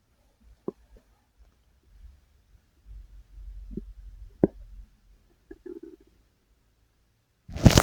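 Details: Quiet, scattered gurgles and brief squelching rumbles from the recorder's own belly, ending in a loud rustle; ordinary stomach growling (borborygmi).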